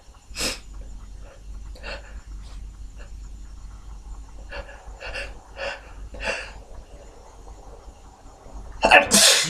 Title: Sniffles, fewUnstifled, few stifles, few nose blows and some very stuck sneezes toward the end!